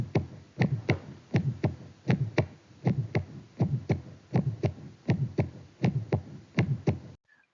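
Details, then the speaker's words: Child: regular heartbeat near 80 a minute with a non-radiating, low-intensity grade 1–2/6, short, vibratory early systolic ejection murmur at the left lower sternal border; innocent Still's murmur. "It is non-radiating early systolic ejection murmur low intensity between 1 to two over six shorter duration located at the left lower sternal border vibratory or musical quality."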